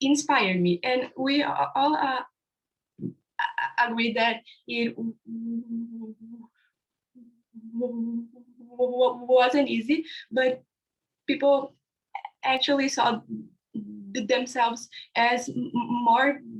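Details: Young man from India who stutters, describing his own stammering on a live panel of young people who stutter; stuttering.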